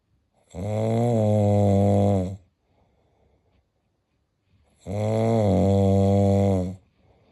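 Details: Ordinary sleep snoring: two long, loud, buzzing snores about four seconds apart, each near two seconds, with quiet breaths between.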